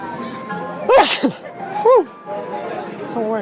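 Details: Intense sneezing with pepper in the air; two forceful, sharp, voiced sneezes with soft music and room sound behind.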